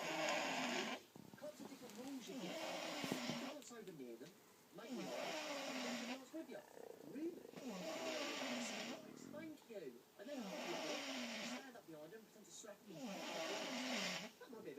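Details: Loud, rough, rattling breaths repeating about every two to three seconds, both in and out; heavy snoring.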